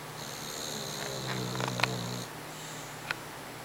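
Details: A single drawn-out, buzzing, rattling snore from a sleeping dog, followed by a faint click; loud snoring in sleep.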